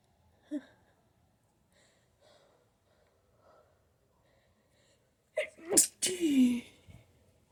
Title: Allergies: Sneezing and nose blowing 2!